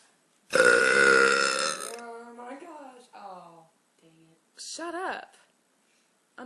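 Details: One long, loud, rumbling belch followed by a few shorter voiced burps, from a woman on a couch after eating pizza; burping.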